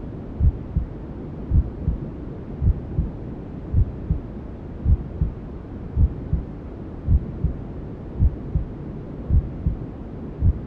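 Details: Maternal heartbeat sound with white noise and other womb sounds, for settling a newborn to sleep: steady muffled heartbeat about 54 double beats a minute under constant hiss.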